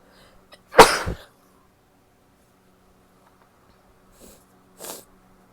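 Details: A female's sneezes after an itch set in: one loud sneeze with a short double burst, then two softer sneezy breaths a few seconds later in a quiet room; sneezing.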